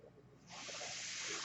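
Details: Podcaster on a mechanical ventilator speaking: after a quiet moment, a steady, loud airy hiss as the ventilator pushes air, typical ventilator airflow sound.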